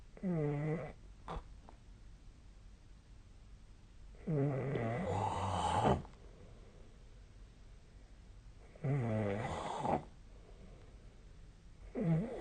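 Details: Loud, rattling snores every four to five seconds, some with a snorting, fluttering edge, about 15 breaths a minute; snoring.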